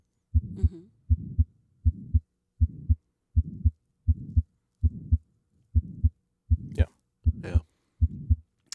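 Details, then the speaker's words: A heart sound recording coded as an innocent murmur: a regular heartbeat of about 80 a minute with a soft, low whoosh between the first and second sounds and a few rustles. Innocent physiologic heart murmur. "let me play I haven't what's coded as an innocent physiologic murmur"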